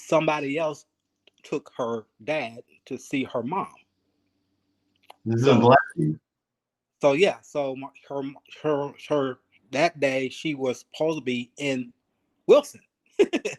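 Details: Aphasia in a 52-year-old male ischemic stroke survivor, speaking 3 years after his stroke; he is still working on his speech, thinking about every word, syllable and cadence.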